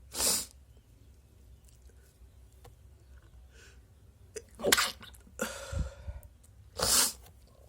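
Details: Three induced sneezes: sharp, hissing bursts of air separated by quiet pauses.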